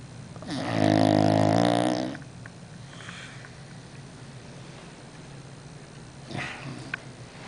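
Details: Sleeping dog: one loud, rattling, buzzing snore lasting over a second, then quiet breathing and a softer snort: snoring.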